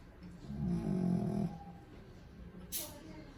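One low, rumbling snore on an in-breath, then quiet breathing and a brief snuffle. A sleeping dog snoring.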